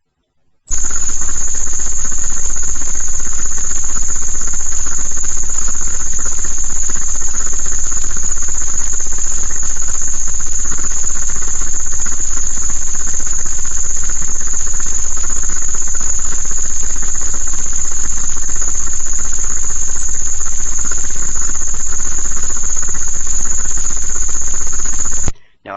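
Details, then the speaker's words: Simulated tinnitus sound: two isolated tinnitus frequencies, one around 8250 Hz, amplified and played together; steady high-pitched ringing over a low rumble, attributed by the recorder to ELF/Schumann resonance tones. "right here we have the two tinnitus frequencies i'm going to let them play for a little while"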